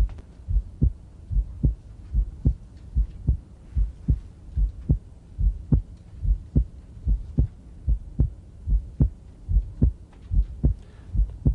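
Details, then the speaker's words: Physiologic splitting of S2 in a male patient, regular rhythm about 73/min; second sound splits (reduplicates) on inspiration and becomes single on expiration, varying with breathing. "excursion when he takes a breath in the second heart sounds dirty it's reduplicated as he exhales it becomes more single again"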